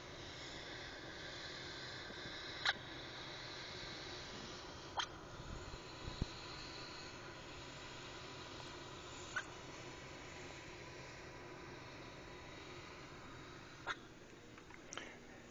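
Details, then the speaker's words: Infant boy with hiccups: faint, sharp hiccups with a tiny squeak on each one, about five in fifteen seconds, over steady room hiss. "I don't know if you were able to hear that or not but I'll just has the hiccups and you can actually hear him make a squeaking noise every time he Hicks up it was pretty funny"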